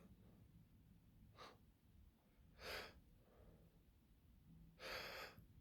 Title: Sneezing and build ups (M)